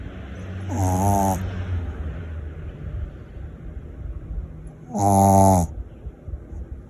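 Two loud buzzing snores about four seconds apart over steady background hum; snoring in a small dog.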